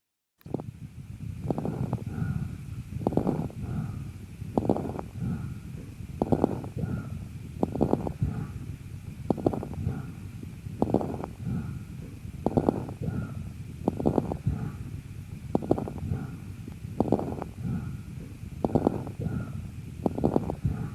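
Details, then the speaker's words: Lung auscultation with a stethoscope: fine crackling burst at the peak of each inspiration, crepitation, as in pneumonia, compression atelectasis, pneumosclerosis or lung infarction. "давайте послушаем как звучит крепитация"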